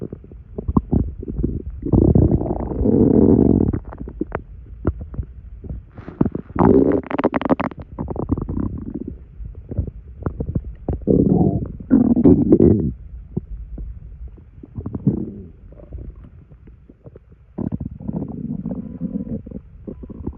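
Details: After drinking two sodas' worth of carbonated liquid, loud, irregular gurgling and bubbling bursts come from the abdomen; active bowel sounds (borborygmi).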